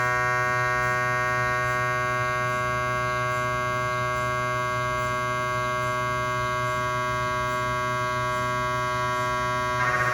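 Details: Cardiac MRI on a GE 3T scanner with an 8-channel cardiac coil and test phantoms, filmed in the MRI room: loud steady buzzing tones pulsing about four a second; gradient noise.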